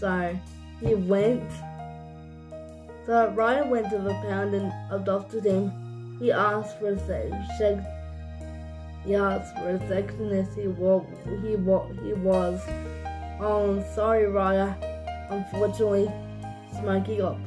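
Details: Adult or teen narrator speaking over background music; dysarthric speech (cerebral palsy).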